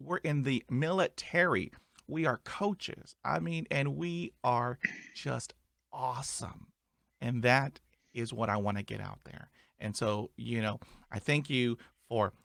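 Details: Adult male who stutters; stuttering.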